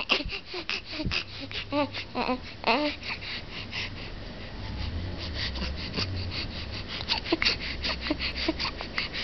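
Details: Whimpering, broken crying from a young child over steady room noise and faint background talk.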